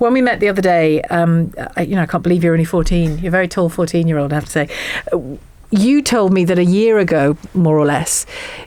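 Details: Adult woman speaking; fluent speech.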